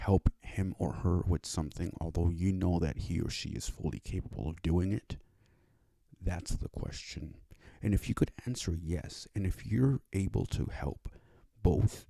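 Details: Male with cerebral palsy and a self-described speech disability, who needed five years to obtain speech therapy; dysarthric speech in cerebral palsy.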